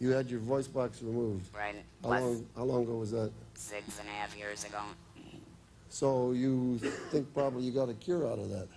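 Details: Adult man speaking; typical speech.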